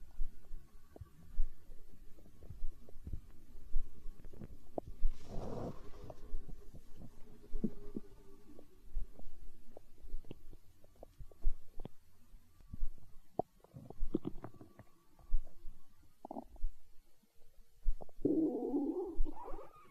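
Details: Stomach growl in an ASMR recording: low gurgling rumbles and soft bubbling pops with an occasional longer growl, stomach growling (borborygmi).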